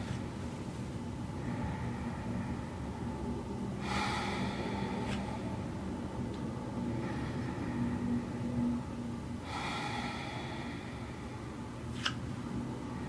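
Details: Real person in a stethoscope head-to-toe exam, breathing normally: two slow, deep breaths with a clear airy rush over room hiss; normal breath sounds without wheeze or crackles.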